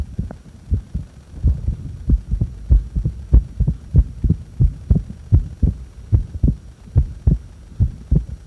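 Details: Heart recorded during breath-holds after inhaling and after exhaling: regular low lub-dub thumps at about 95 beats a minute with a faint steady hum behind.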